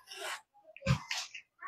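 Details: Child reported unwell and continuously coughing; three short, harsh, noisy bursts in quick succession, the middle one deep and forceful, consistent with repeated coughing.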